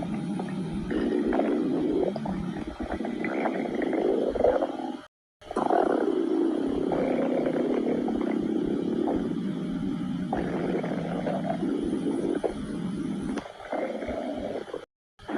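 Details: A person's stomach noises: long, low gurgling rumbles with rising and falling pitch from moving gas and fluid; stomach growling (borborygmi).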